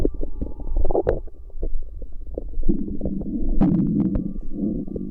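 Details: Stomach noises recorded from a pregnant woman's belly: loud low gurgles, squelches and drawn-out rumbles of gas and fluid moving through the gut; ordinary bowel sounds.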